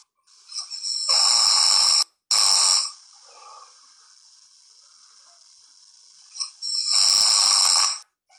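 Loud, harsh, raspy noises during sleep, three bursts over about eight seconds with quiet gaps between them, consistent with snoring.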